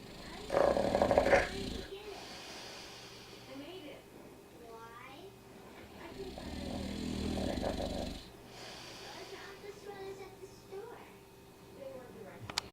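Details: Loud, rough, rattling snoring in long drawn cycles with quieter gaps during sleep; faint room noise.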